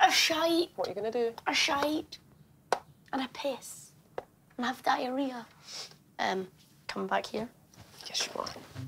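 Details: 12-year-old boy with Tourette syndrome diagnosed in 2014, tics intensified after starting secondary school; shouted insults and odd phrases; vocal tics with coprolalia.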